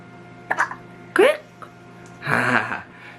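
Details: Newborn baby hiccups: short, abrupt voiced catches, a few in quick succession with room noise. The hiccups were then stopped by giving warm water from a baby bottle.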